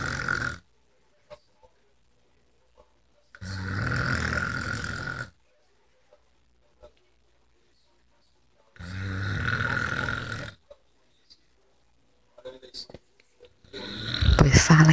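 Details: Man snoring: loud, harsh ordinary heavy snores about every five seconds, roughly 12 breaths per minute, with quiet gaps between.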